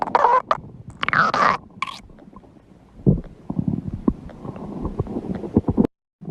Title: My stomach growling fun #52